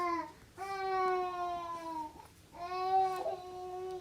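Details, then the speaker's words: An infant cries in the background in long, tonal wails of about one and a half seconds, with short breaths between. "I'm sorry, I know you can hear my baby crying in the background."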